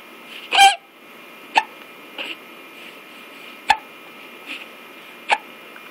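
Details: Baby hiccups: four brief, sharp hiccups spaced about one to two seconds apart in a quiet room, with faint soft infant sounds and baby talk between them.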